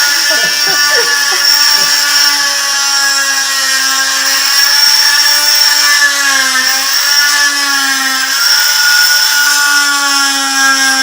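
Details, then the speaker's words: Stryker oscillating cast saw cutting a hardened cast, apparently on a dog's leg, in a teaching demonstration: a steady high-pitched motor whine whose pitch dips as the blade bites into the cast. The blade oscillates and does not rotate. "so this is a striker saw and so once the cast is hardened again they're going to have to be anesthetized to do this uh and it's very it's pretty hard to cut the animal with this saw because again it doesn't rotate it just oscillates"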